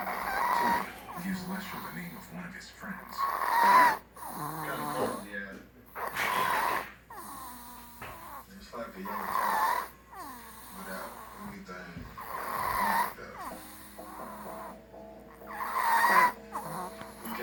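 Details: Man passed out asleep on the couch: rough, rattling snores about every 3 seconds, roughly 19 a minute, with a television in the background; snoring.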